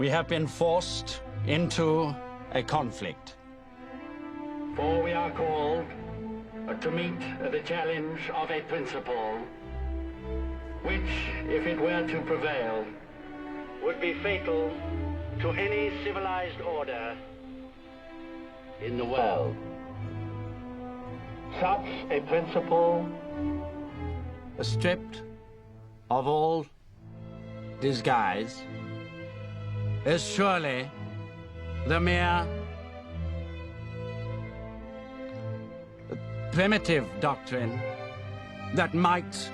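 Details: Acted portrayal of an adult male with a stammer during a wartime radio broadcast, with long pauses and blocks between words; stuttering.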